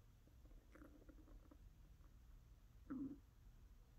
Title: ASMR sounds, listen to my stomach. Stomach growling, hunger pains, asmr stomach sounds, digestion